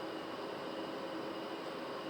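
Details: Steady droning hum with hiss of a nebulizer compressor running during a breathing treatment for a young boy ill five days with cold, cough and fever, chest congestion; he initially resisted, now taking it himself.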